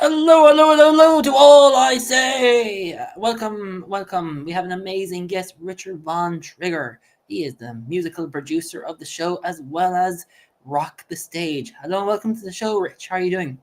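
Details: Adult host speaking; typical speech.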